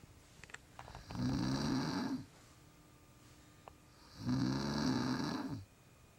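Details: Snoring, apparently a woman: two long, rough, rattling snores on breathing in, separated by quiet pauses, about 20 breaths a minute in a quiet room.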